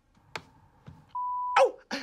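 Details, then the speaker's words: Cartoon puppet show, simulated: a child whose hearing may not be working properly practises a hearing test before wearing headphones; a single steady pure beep under half a second between faint noises, an audiometry practice tone. "that's why we need to do the hearing test today are you ready to do it now um I think so Dr range this looks fun it's just like a game every time you hear a sound you just need to put a shape into the tray"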